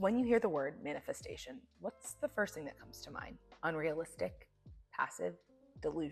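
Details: Adult woman speaking; normal speech.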